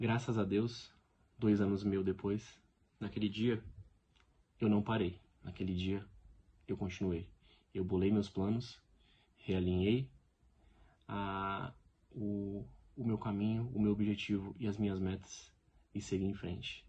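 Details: Adult man speaking Portuguese who lives with stuttering every day; finding: stuttering.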